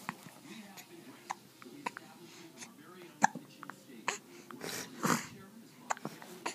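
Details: Little male with hiccups: short, sharp catches repeating irregularly against quiet room noise and soft talk.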